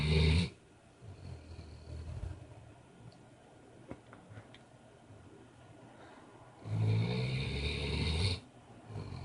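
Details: Deep, low rumbling snores on breaths in, separated by several seconds of quiet breathing, from a sleeper said to snore like his grandpa; ordinary loud snoring.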